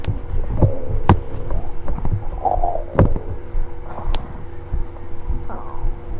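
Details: Low rumbling with irregular gurgles and brief squeaky bubbling sweeps over a steady background hum: stomach growling (borborygmi).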